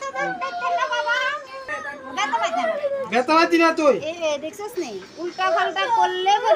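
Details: High-pitched, wavering crying in strained bursts from an infant girl during ear piercing: a pain cry.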